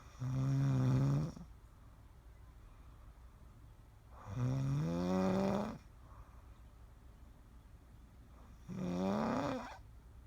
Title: Snoring with Stray Cat 3/14/16